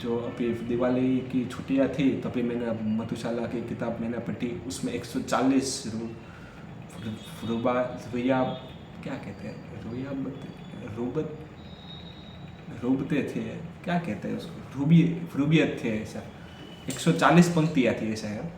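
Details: Stuttering in an adult male who stammers, Day 4 of his daily stammering practice routine, counting backwards from 100 as fast as he can.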